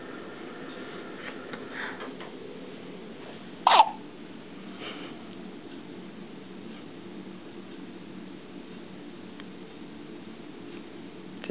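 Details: One-day-old female newborn with hiccups: a single sharp brief hiccup against quiet room hiss, perhaps fainter ones nearby.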